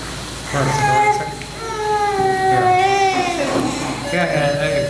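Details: Young baby coming out of anaesthesia after surgery: drawn-out, high-pitched wailing cries with brief breaks between them; infant crying on emergence from anaesthesia.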